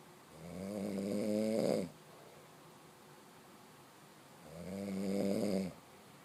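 Two loud, rattling, rising snores on the in-breath, each about one and a half seconds, separated by quiet; typical snoring.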